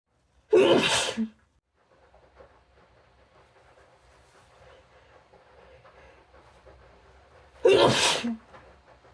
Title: a week of my cold... (f) sneezing and nose blowing compilation